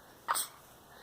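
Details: Sneeze from an 11-day-old baby.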